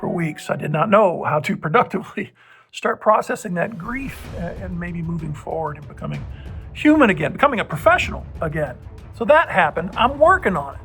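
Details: Adult man, nine months after a respiratory illness puzzling doctors, infection cleared, breathing fine but persistent spasmic cough; voice unlike his normal voice, unsure if it will recover: dysphonia.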